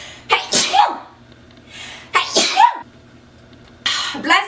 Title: Big sneeze compilation